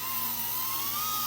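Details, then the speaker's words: Dental assistant training demonstration of clinical polishing: slow-speed handpiece with prophy angle started slowly once in the patient's mouth, prophy paste on three to four teeth; steady high whirring whine rising slightly in pitch. "You don't want to start the motor until it's in the patient's mouth to avoid splatter. So don't press the reostat and start this until it's in the patient's mouth. And you start it slowly."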